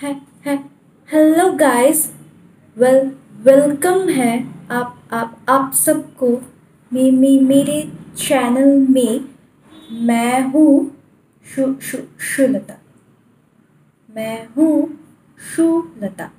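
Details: Woman deliberately imitating a stammer while introducing herself, not a real disorder. Stuttering (imitated).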